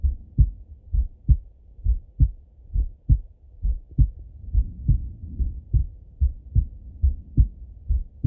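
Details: Male heartbeat by stethoscope during full heart auscultation, recorded either sitting at a desk or lying in bed: steady paired lub-dub beats at about 67 a minute with soft rustling in the background.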